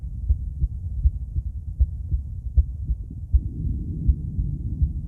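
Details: Normal heart sounds of a female, auscultated with various stethoscopes at Erb's point, mitral, tricuspid, aortic and pulmonic areas: regular low thumps near 80 a minute, no added sounds.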